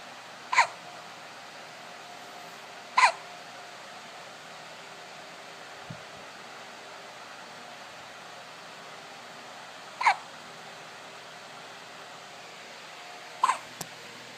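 Four abrupt hiccup sounds spaced several seconds apart over steady fan-like background hiss; hiccups.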